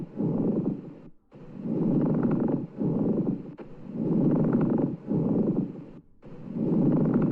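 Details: Recorded example in a quiz of abnormal lung sounds: harsh, dry, grating noise through both phases of each breath, with brief pauses between cycles; a pleural friction rub.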